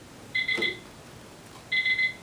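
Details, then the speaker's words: Infusion pump in a simulation lab training demonstration: repeating bursts of high, warbling electronic beeps with faint clicks, an air-in-line alarm from air detected in the IV tubing. "I've got an alarm it says air right here so what I need to do the first thing I'm going to do is I'm going to do my roller clamp again"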